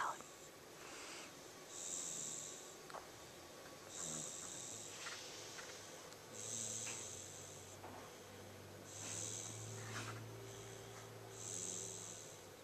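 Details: Snoring while asleep at about one year old: soft, regular snorting breaths roughly every two and a half seconds over a hissy background.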